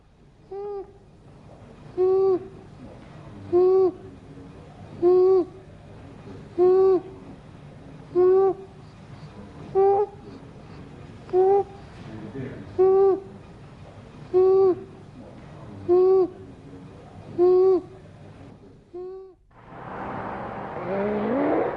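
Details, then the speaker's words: A child breathing at about 39 breaths per minute makes a high-pitched, harsh, crowing noise on each in-breath from a narrowed upper airway; inspiratory stridor. "en stricte d'or est un bruit rauque qui se produit lorsque l'enfant inspire il fait ce bruit"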